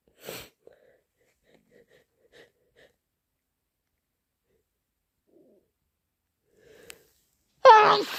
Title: Inducing with chhinkni and a cold! - Wet, strong sneezes and blows